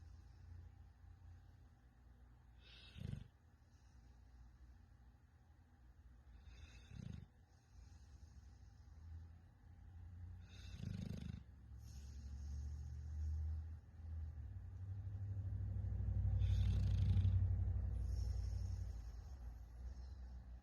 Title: my crazy dog snoring like a grown man